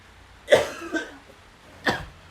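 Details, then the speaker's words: Two forced coughs with a short catch between them, a fake cough acted by a man pranking his girlfriend into thinking he is coughing up blood. "Gue jadi mau ngeprank, nanti gue batuk dan batuk gue keluar darah. Gue mau bikin dia panik."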